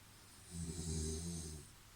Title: I can actually sleep through this snoring. Could you?